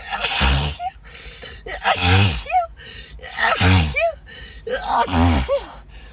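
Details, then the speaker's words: Acted sneezing fit: four forceful sneezes in quick succession, each with a gasping in-breath and a voiced burst, over faint music. The speaker says it is slowing down and suspects some kind of allergy. "it's definitely slowing down though oh my goodness gosh must be some kind of allergy to"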